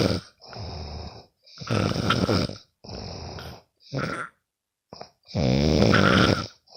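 Loud, rough, vibrating breath sounds repeating in quick succession, some with a fluttering rattle; ordinary snoring during sleep.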